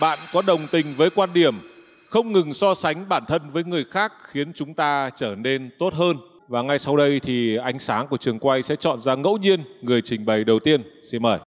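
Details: Adult male host; typical speech.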